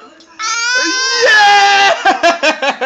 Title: Baby crying